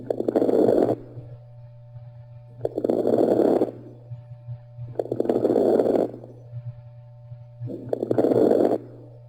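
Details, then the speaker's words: Teaching recording of lung sounds with rales, bubbly gurgling noises from fluid or mucus in the air passages: breath sounds with bubbly, crackling pops in each breath; rales (crackles). "rails rails are a bubbly or noisy sound caused by fluid in by fluid or mucus in the air passages it sounds like gurgling literally when you listen to the person's lungs"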